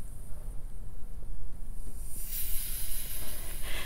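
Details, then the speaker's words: Manual aneroid sphygmomanometer with stethoscope, cuff pumped to about 150–160 and released slowly: steady rushing hiss of air as the cuff is fully released after the sounds disappear. "we want to pump up to about 150 160 really slowly release yep so I can hear the systolic the sounds first come in go a little bit faster"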